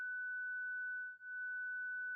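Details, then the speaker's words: Zoll defibrillator with external paddles during the 30 J self-test: steady unbroken high tone as the device charges and the Apex paddle shock LED lights; charged, ready-to-shock tone. "Select the 30JW self test key. Verify that X charges, a constant tone sounds, and the shock LED on the Apex paddle illuminates."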